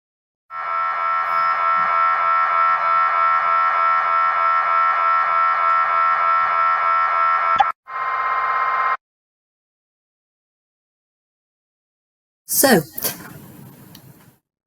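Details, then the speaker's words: Loud, rapid buzzing mechanical knocking, about 190 pulses a minute, then a short burst and silence: MRI scanner noise during a scan sequence, played as an example for imaging study participants. "MRI scanners are very very noisy and they make different noises depending on the type and the sequence of the scan that we're carrying out at the time so I'm going to give you a an example of the sounds"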